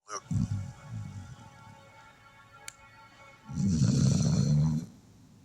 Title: Sleepy Red Heeler doggo snoring